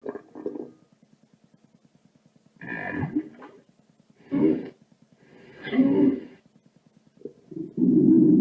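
Low gurgling rumbles in short bursts with a faint steady buzz between them; ordinary stomach growling.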